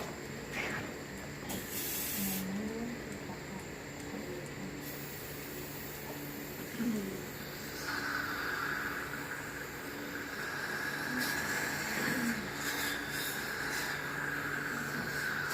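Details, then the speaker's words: Steady hissing water spray, with saliva ejector suction hum joining partway through, as the dental patient's mouth is rinsed during a coronal polish. "Okay, stay open for me. I'm gonna rinse."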